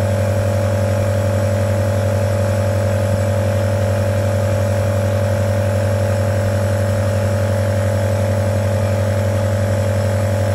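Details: Omron NE-C28 portable compressor nebulizer, compared with a mesh nebulizer: steady droning motor hum with a rapid buzzing pulse; normal running sound of a compressor nebulizer.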